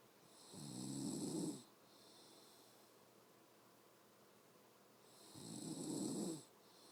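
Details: A mother snoring in her sleep: two loud, rough snores on the in-breath about five seconds apart, with quiet breathing between.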